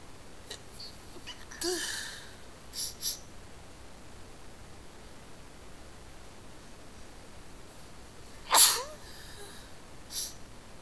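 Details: A few quick sniffly sneezes, a couple of them stifled into short muffled bursts, against quiet room hiss; ordinary sneezing.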